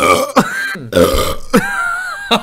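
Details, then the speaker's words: Long, drawn-out voiced burps with gurgly croaking, broken by brief pauses, amid Dutch chatter: belching. "maar toen ik die boer het laten Holy Oh doe dan doe het alfabet doe het alfabet doe het alfabet"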